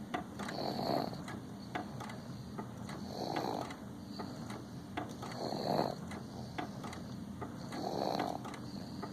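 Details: 7½-month-old infant snoring: soft, rhythmic rattling snores with each breath, about 25 a minute, against steady background noise.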